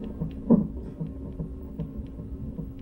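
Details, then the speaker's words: Fetal heartbeat on a Doppler monitor in a six-months-pregnant woman with degenerating fibroids causing contractions, fetal heart rate 152: soft rapid whooshing pulses over a steady hum. "Hooked up with these machines. This little microphone thing. This one's her heartbeat, this one's my contractions."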